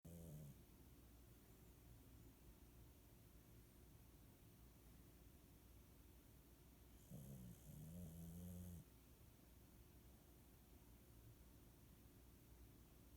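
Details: Sleeping dog: low rumbling snore on breathing in against steady room noise, with a louder snorting stretch midway; ordinary snoring.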